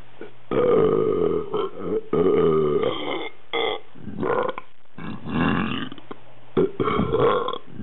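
Several deep, voiced belches of varying length in a muffled recording; repeated burping.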